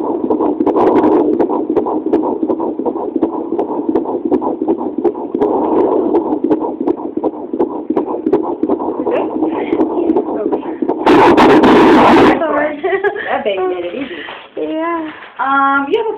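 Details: Fetal heartbeat on Doppler: rapid, regular whooshing pulses, roughly 160 beats per minute.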